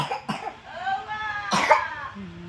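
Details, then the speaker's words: Young girl with persistent cough and mucus vomiting, during a child massage; two or three short coughs mixed with voiced crying sounds over background noise; cough. "Jadi kalau biasanya kalau udah batu itu anginnya itu ah Naik naik dia ke Dada ke tenggorokan mata pun mulai merah lama-lama kalau batu itu terusmenerus dibiarkan terjadilah demam"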